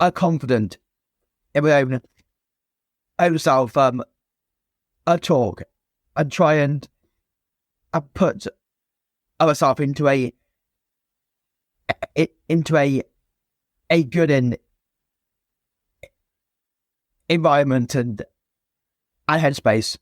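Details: Stuttering (stammer) since a young age in a man, a former soldier now a personal trainer.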